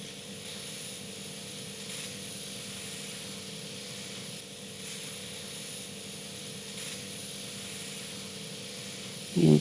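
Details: Ear wax suction at a Thai ear clinic during a full ear examination: steady whirring hiss of a small suction device, like a tiny vacuum cleaner, with a brief louder slurp at the end.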